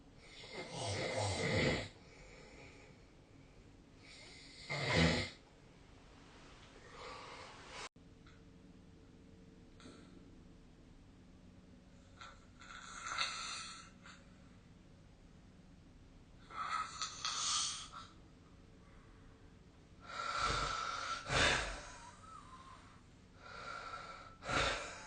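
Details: Snoring recorded during sleep: rasping, noisy snores recurring roughly every four seconds over a quiet room background; snoring.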